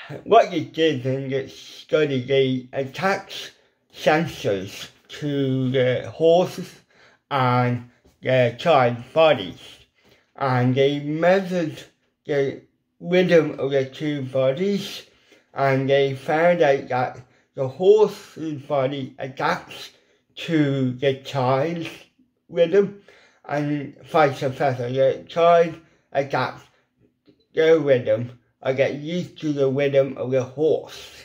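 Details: Adult man with ataxic cerebral palsy, involuntary hand shake and epilepsy; weak, paralysed lip muscles cannot form the shapes for certain letters; once understood only by his mother as a child; lifelong speech impediment; dysarthria.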